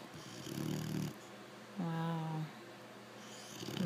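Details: Female American Bulldog puppy, 5 months old, napping mid-afternoon, makes two snoring breaths, one a rough rumble and one a higher whistling tone; snoring.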